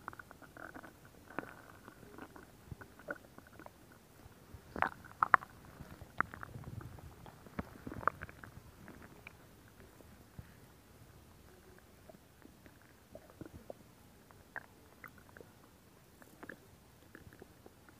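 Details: ASMR stomach growling recording: soft, irregular gurgles, bubbling and small pops, loudest early, then fading to faint clicks; ordinary borborygmi, a normal bowel sound.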